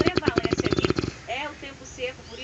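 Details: Snoring: a fast rattling, fluttering snore for about a second, then softer whistling nasal breaths.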